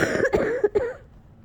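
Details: Person with a cold for a couple of weeks, near the end of a coughing fit close to an hour long, with shaky breath between coughs: three or four short, hoarse cough bursts in quick succession, trailing into quiet breathing.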